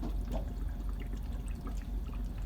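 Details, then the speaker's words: Infant nasal bubble CPAP circuit in a special care nursery, pressure set to 6 (dialed down from 6.5) before being placed on the baby: steady low bubbling and gurgling from the water chamber, confirming the system is bubbling without a leak. "Make sure the baby gets 6. Okay. And the system is bubbling. You hear the bubbles."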